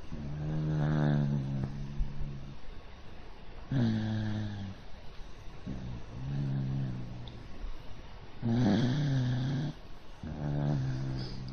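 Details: Repeated deep, buzzing snores on each breath with a slight growly edge, from a pet dog sleeping on its back on its owner's arm, a position in which it tends to snore: snoring.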